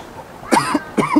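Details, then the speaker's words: Imitated cough: an adult acts out an asthma attack around a smoker, giving two harsh, forced cough bursts while asking them to put the cigarette out; simulated, not genuine. "put down the smoke smoke put it down it's making me cough for the town put out"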